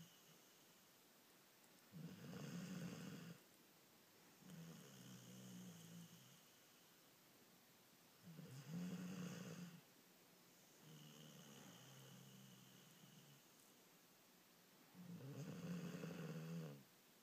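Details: Sleeping dog snoring like an older man; low rattling snores with quieter in-between breaths in a slow rhythm, about 9 breaths a minute, in a quiet room: snoring.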